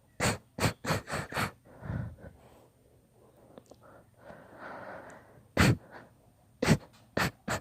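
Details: Deliberately induced sneezing fit: a rapid run of about nine sharp sneezes in bursts, with breathy gasps between.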